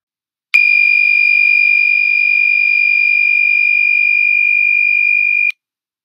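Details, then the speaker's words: HeartMate II LVAD system controller low battery power hazard alarm: a steady high-pitched constant tone lasting five seconds, with a flashing red battery light, meaning less than five minutes of battery power remain. "system controller low battery power alarm what you see and hear this alarm is indicated by flashing red battery warning light on the user-interface low battery and replace power immediately alternate on the user interface screen constant audio tone"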